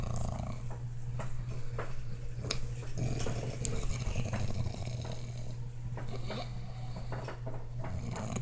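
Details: Dog snoring in a small room: a steady low rumbling snore with a rattling, growl-like quality throughout.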